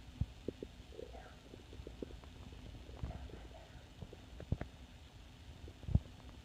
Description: Just a short recording of my empty belly growling away. Sorry that it's not too frequent.